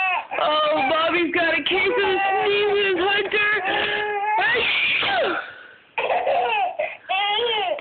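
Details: Infant boy laughing at his mother's sneezing fit while she is sick, with repeated high-pitched squeals and cry-like bursts between short pauses; excited laughter, not distressed crying.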